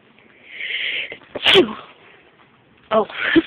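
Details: A single sharp adult sneeze with a brief breathy lead-in, followed by a short vocal sound, startling a cat away; sneeze.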